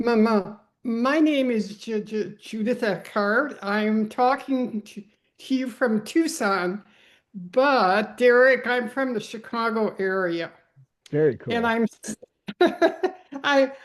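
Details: Adult woman; stuttering.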